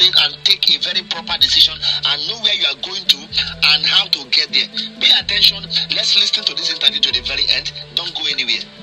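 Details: Adult male speaker; normal speech.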